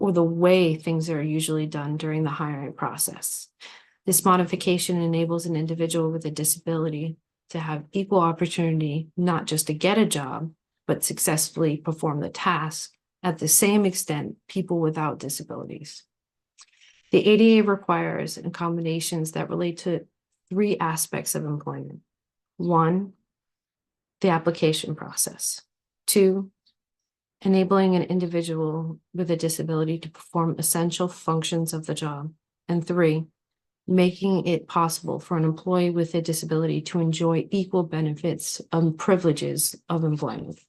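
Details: Adult woman speaking; normal speech.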